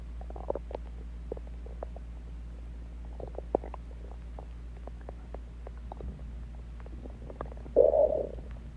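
Scattered small clicks and bubbly gurgles over a low hum, ending in a louder growl: normal stomach growling.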